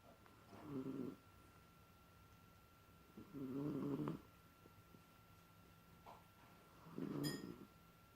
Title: Smalldog Snoring